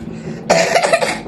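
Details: Child coughing for two weeks, brief partly voiced coughing burst after quiet room noise; persistent cough, with bronchi reported clear but lungs suspected congested.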